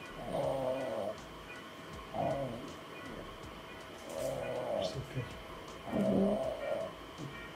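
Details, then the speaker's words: Drug-induced sleep endoscopy with a 2.9 mm videorhinolaryngoscope in severe obstructive sleep apnea, index 34, before septoplasty: loud, rattling repeated snoring with concentric and lateral narrowing at the oropharynx and soft palate. "Да слышали храп и видим концентрическое сужение на уровне ротоглотки"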